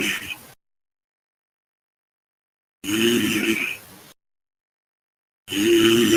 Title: frying snoring sounds